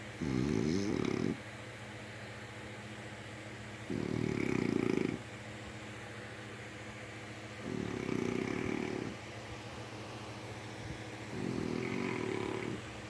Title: My grandma is a snoring pig🐽🐷🐖